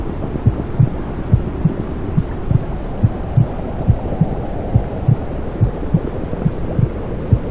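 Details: Womb sounds played to help a newborn stop crying and sleep: muffled steady whooshing with soft heartbeat thumps about 70 a minute, the mother's heartbeat and blood flow as heard inside the womb.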